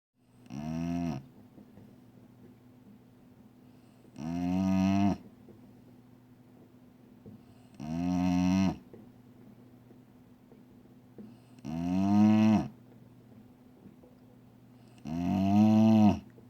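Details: Dog snoring while sitting beside owner's desk: loud, drawn-out groaning snores at regular intervals, about 17 per minute, quiet between them, steady background hum.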